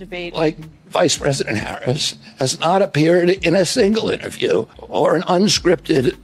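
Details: Adult male, apparently a political figure, said by narrator to have spasmodic dysphonia, described as a loss of his voice; spasmodic dysphonia.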